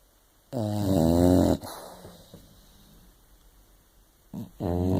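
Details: Small dog's dainty snore: two loud, rough, buzzing breaths with a quiet gap between.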